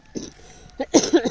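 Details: Infant cough during a morning walk, the cough still troubling the baby: a few short, wet-sounding coughs with grunting voiced tails in quick succession.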